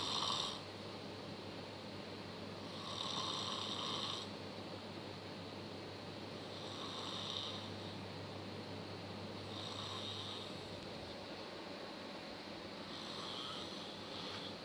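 Soft, rough breathing noises recurring about every 3 to 4 seconds over a steady low hum: quiet snoring.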